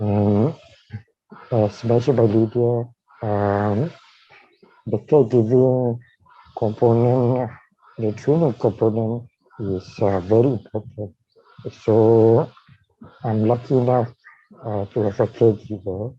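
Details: Dysarthria in a man with amyotrophic lateral sclerosis (ALS), diagnosed in 2018, with a tracheostomy placed in late September of the previous year.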